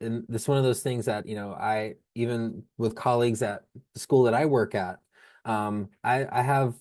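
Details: Adult speech-language pathologist who stutters; repetitions audible; stuttering.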